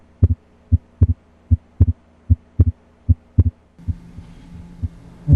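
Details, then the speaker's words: Normal heart sounds at the pulmonic area (left second intercostal space), diaphragm: regular paired sounds about 76 per minute, where pulmonic valve closure is normally audible. "you normally cannot hear the pulmonic valve closed in any location except in the left second intercostal space"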